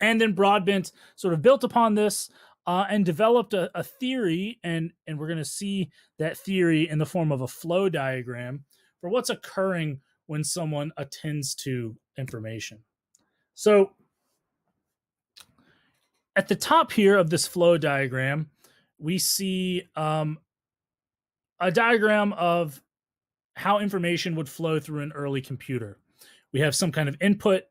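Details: Adult speaker, lecture voiceover; normal speech.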